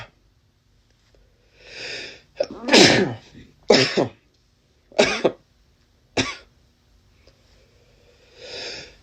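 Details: Adult man with a cold: a run of about four sharp sneezes with quieter breathy inhalations before and after; a sneezing fit.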